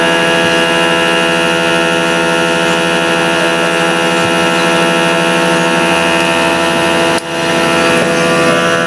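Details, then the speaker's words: Loud, steady mechanical hum and drone of a small nebulizer compressor motor (2017 model) running continuously after repair of weak air suction to the diaphragm, checking that the motor pumps properly. "Maayos na itong gumagana. So tingnan natin kung 'yung pag-pump ng motor nito is okay."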